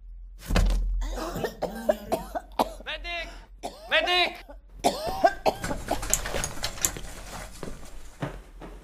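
An actress performs a string of theatrical coughs with groans and strained voicing between the bursts.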